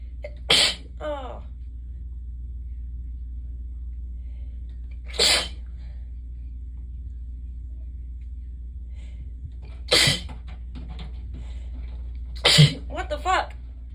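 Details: Four sharp, explosive sneezes a few seconds apart, some with a brief voiced sound afterward, over a low hum; recording started expecting one sneeze: unexpected sneezing fit.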